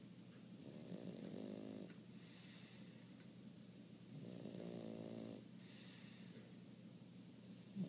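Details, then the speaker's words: Rattling, buzzy snores on each in-breath, roughly every three seconds, from a sleeping one-year-old dog; ordinary loud snoring. "Pablo snores louder than me. He's only a year old, and he snores like Uncle Bernie. Unbelievable."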